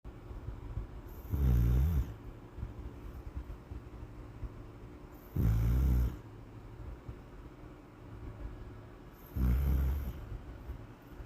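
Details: A sleeping Pitbull dog: deep, low rumbling snores, fairly regular at about 15 a minute, with quiet breathing between them and faint room noise. Dog snoring.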